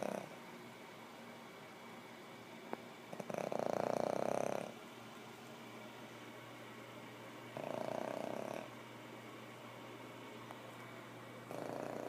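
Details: Soft, rough rasping bursts about every four seconds over steady room hum from a sleeping animal, apparently dreaming; snoring.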